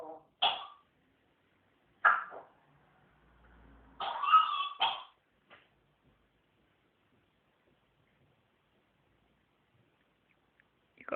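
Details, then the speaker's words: Dog named Cosmo with a bad cough: several short, harsh bursts in brief clusters separated by quiet pauses, consistent with a dry hacking cough. "got a bad cough? Got a bad cough?"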